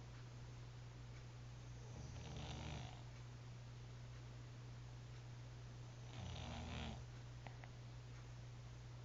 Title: Snoring.